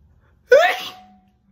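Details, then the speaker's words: Woman deliberately holding back a sneeze in a requested sneeze video: one short, muffled burst with a brief voiced tail, a stifled sneeze. "okay they're coming out weird because like i'm trying to hold back so they come out where when i do that"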